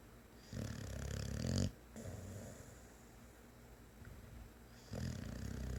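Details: Boxer dog snoring while asleep: loud, rattling snores in long low bursts with quieter breathing between.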